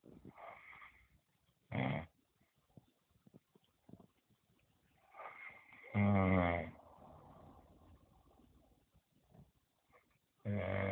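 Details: Person snoring loudly, recorded around 20:42; harsh vibrating in-breath snores, irregular at roughly 13 a minute, softer breathing between: loud snoring.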